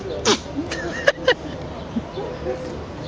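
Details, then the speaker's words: Goat sneezing outdoors: a few sharp, explosive snorting bursts, with background noise and faint bird-like chirps. "he's got the sneasels come on one more one more sneeze no sneeze there we go sneezing cameras sneezing"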